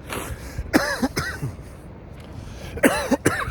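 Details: Man outdoors in about 40°F weather with light rain, after inhaling from an Amnesia Strawberry Cough 2g disposable vape: two pairs of short, harsh irritant coughs separated by a quiet pause, with faint outdoor background noise.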